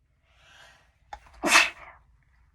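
A brief inward breath followed by one sharp, explosive sneeze; an ordinary single sneeze.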